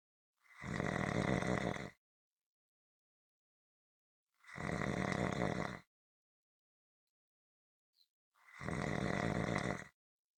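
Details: Consistent rhythmic snoring: three loud, rough, rattling breaths about four seconds apart with silence between, roughly 14 breaths a minute; regular snoring.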